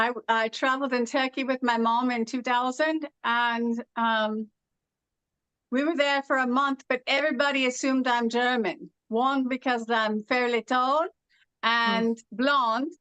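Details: Adult woman originally from California, living with foreign accent syndrome since about 2016; foreign accent syndrome.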